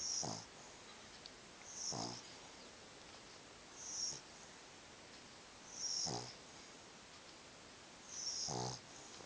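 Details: Sleeping dog snoring rhythmically: a rattling snore with a hissing tail about every two seconds, roughly 30 breaths a minute.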